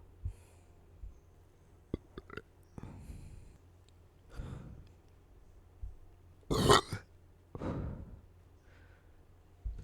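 Several short throaty bursts, with one louder belch near the end, among quiet breaths and small clicks; repeated burping.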